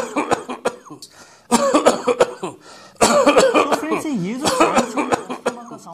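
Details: Three bouts of rapid, repeated coughs with wheezy, whistling tones between them; asthma cough.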